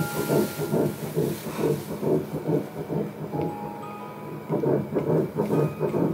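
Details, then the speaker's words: Early embryo's heartbeat on ultrasound Doppler, embryo about 8 mm long, mother having frequent vomiting: rapid, regular, loud whooshing pulses at about 140 a minute. "How about Jam Jam? Heart is beating really loudly."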